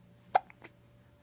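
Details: Baby boy's hiccup: a single sharp hiccup, a brief abrupt catch of breath with a small voiced click, over quiet room hum.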